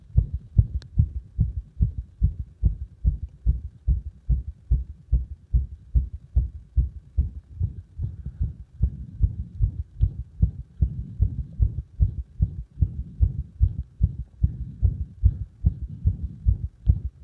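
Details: Arrhythmic heart sounds caused by compression: fast low thumps about 146/min with uneven spacing and changing strength; irregular heartbeat.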